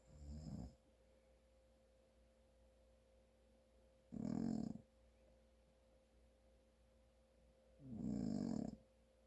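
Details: Three loud, low, rattling snores about four seconds apart over a steady hum, from an adult man snoring due to congestion.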